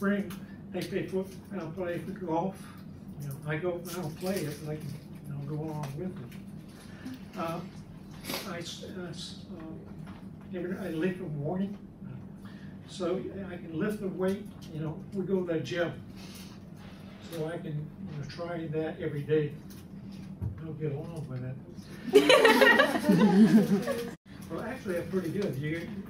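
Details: Adult man speaking years after a left-hemisphere stroke, in the chronic stage and improving with therapy; chronic nonfluent aphasia with apraxia of speech.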